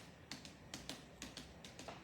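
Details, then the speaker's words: Abdominal percussion from the right lower quadrant under the umbilicus upward during a physical exam: paired crisp taps move up to the liver edge, where the note turns dull; liver span about 9 cm, normal, no hepatomegaly. "I'm going to percuss till dullness and then I'll mark it. Okay, dullness is felt. Okay, marking."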